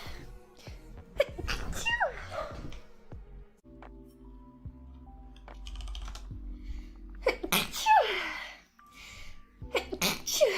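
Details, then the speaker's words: Streamer with stated allergies, sneezing repeatedly during a live stream and calling it flu season; several sharp explosive sneezes, about four in a row, with music playing between. "I have been just sneezing so much, dude. Flu season. It's upon us."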